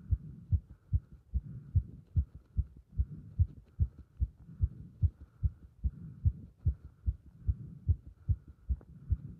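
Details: Heart sounds recorded with pressure on the chest during squats: rapid, regular low thumping, a quickened heartbeat with exertion.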